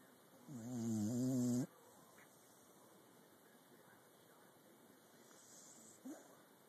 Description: Our little beagle having a heavy snooze!